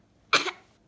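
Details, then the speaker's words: Small child's deliberate fake cough: one short, sharp cough burst made on purpose, not from illness. "are you okay? Are you all right? Oh, my goodness. All done? Oh, your poor cough."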